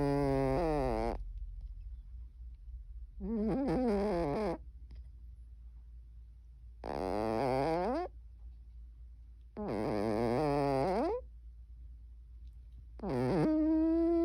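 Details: Sleeping Cornish Rex cat snoring: loud, drawn-out whistling and buzzing snores with each breath, quiet gaps between breaths; snoring.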